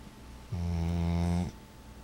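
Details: Sleeping dog snoring: a single deep, steady, droning snore about a second long in a quiet room, after which the dog seems to wake.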